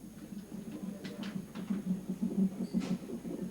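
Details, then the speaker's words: Fetal heartbeat of IVF twins, a boy and a girl, on a Doppler monitor with the mother near delivery: soft, rapid, rhythmic whooshing pulses. "you hear that heartbeat isn't isn't that fantastic"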